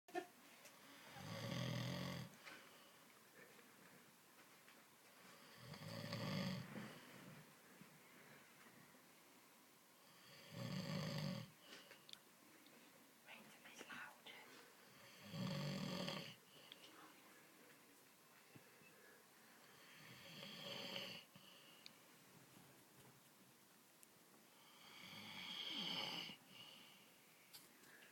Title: snoring his bollocks off